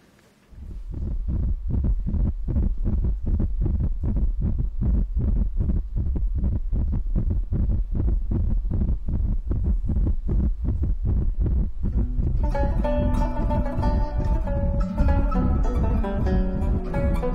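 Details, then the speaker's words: Fetal heartbeat on obstetric ultrasound during a check of a pregnant woman (TV drama scene): rapid, whooshing heartbeat about 160 beats a minute, music joining partway through. "daha önce Kalp sesini dinlemiş miydiniz Hayır Peki bebeklerin önce kalbi oluşur Bakın size dinleteyim"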